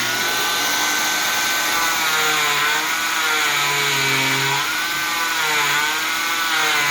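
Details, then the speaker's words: Cast removal with a zip stick slid under the cast over the sock and cotton padding: steady high-pitched motor whine with shifting pitch as an oscillating cast saw cuts along the cast, advancing as it spreads. "And then all you would do is you would take your cast saw, which is going to be a little noisy, and I'll show you."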